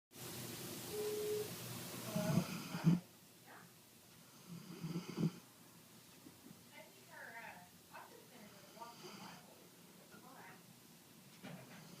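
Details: Snoring: rough snoring breaths at first, then softer irregular snuffling and breath noises in a small quiet room.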